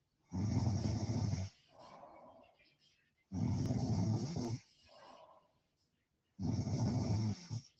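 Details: Person snoring during a live stream: loud, coarse snores on three in-breaths, each followed by a softer breath-out, about 20 breaths a minute of ordinary heavy snoring.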